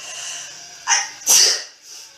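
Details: Adult woman sneezing from apparent allergies; she says she feels unwell. A quick inward breath, then a sharp, explosive burst of air; a single sneeze.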